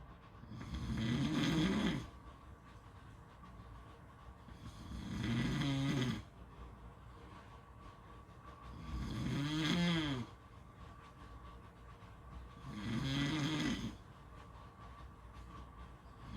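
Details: Loud, rough snores on each in-breath, about 15 a minute, with quiet out-breaths between: snoring.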